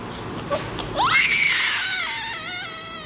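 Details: Newborn crying loudly 30 seconds after birth: a brief whimper, then a loud, high, sustained cry showing vigorous breathing.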